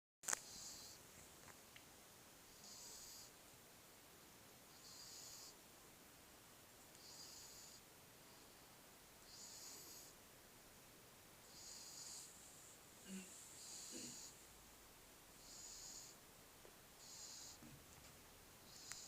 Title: Grey Kitten Snoring